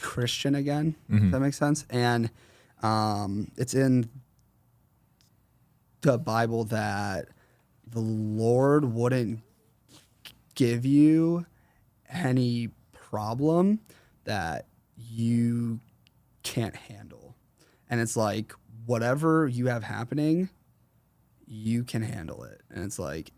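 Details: 21-year-old man with a stutter since 4th grade, severe during his school years, treated by a speech therapist around ages 8 to 10, still worse when consciously processing what he says; stuttering.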